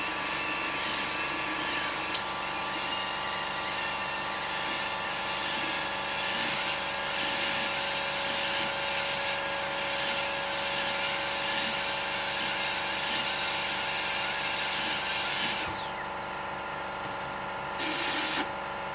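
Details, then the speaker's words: Steady high-pitched dental drill whine stopping near the end: handpiece with 170 L bur reducing the incisal edge of an upper left canine (tooth 23) for a porcelain-fused-to-metal crown, reduction checked with a putty index. "Now I am going to take 170 L burr, and I am going to reduce the incisal part in this way."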